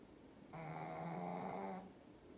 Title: 😴💤💤💤 Snoring while napping 😂😂😂